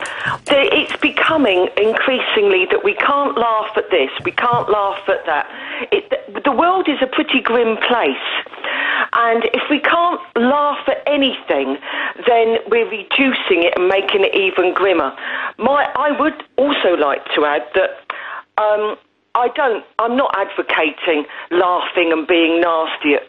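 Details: Adult woman over a telephone line; normal speech.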